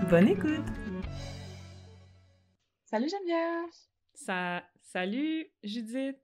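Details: Adult woman who stutters, a master's candidate in speech-language pathology; she says her stuttering was at its highest when driving carpool passengers. Finding: stuttering.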